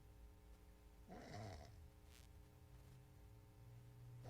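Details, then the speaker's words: Recording of a sleeping man: a single snore followed by complete silence with no breathing sounds, an apneic pause; obstructive sleep apnea. "Look at that, complete silence. He's still not breathing. Okay. Look at this now. Look how silent."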